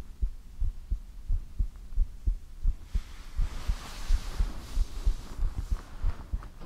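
Steady low heartbeat thumps at about 90 a minute, with a hiss of background noise partway through; an ordinary heartbeat.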